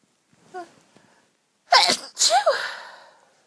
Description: Lots of girly sneezes..... i'm laid in bed surrounded by tissues right now....